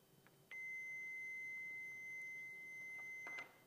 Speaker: You're simply going to turn it on and it's going to walk you through it